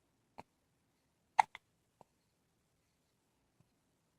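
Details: Several brief, sharp hiccups from a dog named Hunter, unevenly spaced, in a quiet room; hiccups.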